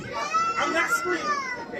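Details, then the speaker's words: A baby on a Southwest flight gives a short stretch of sustained, high-pitched crying with wavering pitch over steady cabin noise, while an adult passenger rants at it; infant crying. "that's the sound of a baby crying on a plane and a grown man acting like an even bigger baby"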